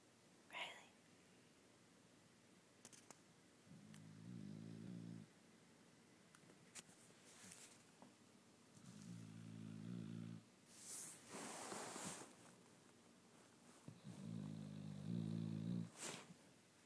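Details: Female dog snoring loudly: three low, rumbling snores about five seconds apart, with soft rustles and breath noises between, in a quiet room; snoring.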